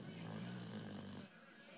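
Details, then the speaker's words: Awake subject with an underbite makes a single low, rattling snore-like snort about a second long, then quiet: snoring while not asleep. "If you're happy and you know it, snore. You're not even asleep though."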